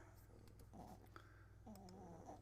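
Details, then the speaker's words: Soft nasal snoring from a sleeping puppy over a low, steady room hum. "You probably hear the puppy snoring. I got both of them."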